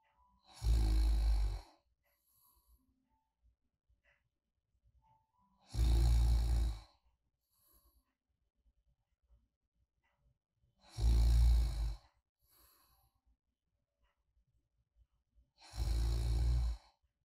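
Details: Light snoring during deep sleep, ASMR recording: soft, even snores about 12 a minute with quiet breathing between.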